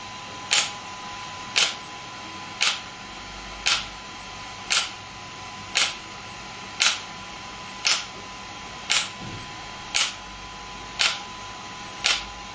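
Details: Shockwave therapy device (SW5S, used for ED and plantar fasciitis) firing after gel applied, feet positioned: sharp regular clicking pulses about once a second over a steady hum.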